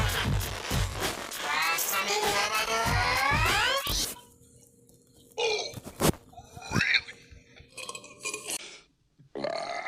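A long, loud, voiced belch over background music, then shorter grunting burps from film and TV scenes.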